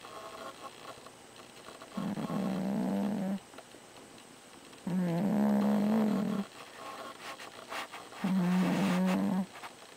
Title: my Fat ass cat snoring